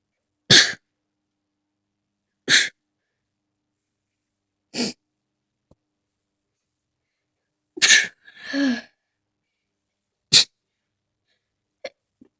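Five sharp, hissing sneezes about two seconds apart, with a short voiced sound after the fourth, in a quiet room: a sneezing fit.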